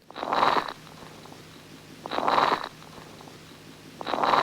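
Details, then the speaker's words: Teaching recording of soft, low-pitched vesicular breath sounds with fine, high-pitched, velcro-like late inspiratory crackles. "in addition there are lady inspiratory extra sounds so how do we call these sounds"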